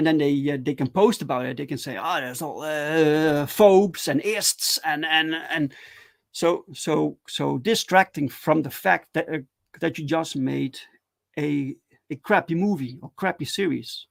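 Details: Adult man who stutters, speaking live in a solo stream; stuttering.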